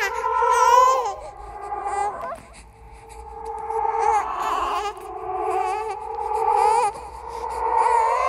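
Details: Horror sound-effect recording of a ghost baby crying: wavering, wailing crying in bursts, in the manner of an infant's cry; infant cry.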